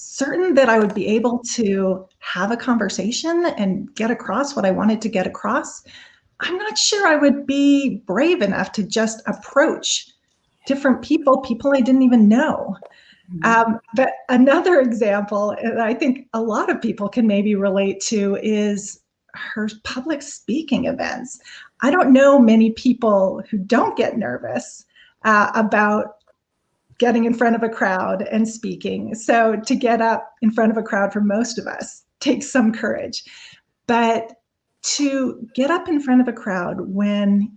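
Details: Adult woman speaking; normal speech.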